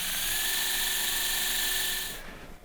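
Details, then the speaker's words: Surgical drill reaming a 20 mm femoral tunnel after contacting the cortex (55 measured) during combined ACL and anterolateral ligament knee reconstruction; steady high-pitched motor whine for about two seconds, then winding down. "55, I'm in context I'm in contact with the cortex. 55 and I will drill 20 20 mm."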